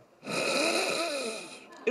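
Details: Ear, nose and throat doctor vocally imitating a common snoring sound during a lecture on snoring and sleep apnea.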